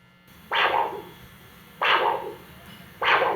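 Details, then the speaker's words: Handheld Doppler over an artery of a healthy young male student: triphasic arterial signal with a repeating three-part "1, 2, 3" pattern, a very good waveform. "So that's triphasic waveforms, right? So that's a very good waveforms."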